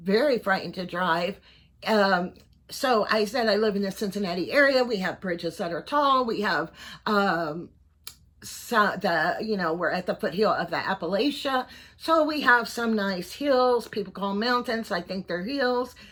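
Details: Voice tremor in a 55-year-old man; doctors are unsure whether he has Parkinson's disease, cervical dystonia or both, and he reports tremor in his voice, head and hands.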